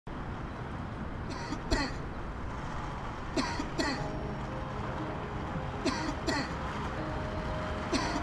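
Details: Recorded chesty cough played through a loudspeaker on a coughing billboard in a lung-health campaign: repeated paired coughs over loud street traffic.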